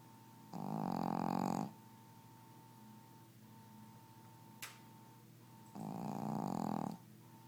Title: Gidget Snoring